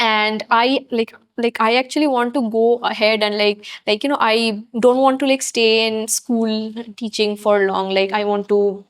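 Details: Adult woman who stutters, describing it as an invisible disability, speaking in a podcast interview; stuttering.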